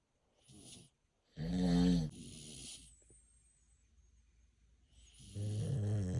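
Loud, rough, rattling noises on the in-breath with quieter breaths between them, typical heavy snoring in sleep.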